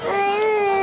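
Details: Sustained, loud, high-pitched wail from a young girl clinging to her dead mother's chest in hospital after a road accident: distressed crying.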